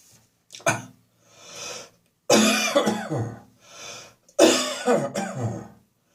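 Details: Winter-morning catarrhal cough on waking: three loud, harsh coughing bouts with throat clearing, separated by audible deep breaths in; productive cough.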